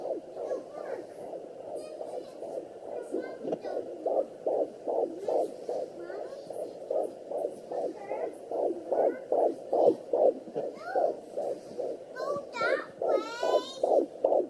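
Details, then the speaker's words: Fetal heartbeat at 19 weeks 4 days on a Sonoline B home fetal Doppler: rapid, regular whooshing at about 146 a minute, interrupted by scratchy bumps as the mother feels the fetus kicking; the displayed rate was inaccurate because of the movement. "mommy just kicked him right away i'm feeling it kicking"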